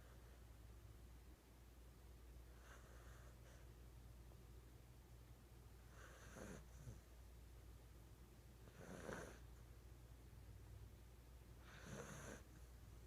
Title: Sweet snoring pup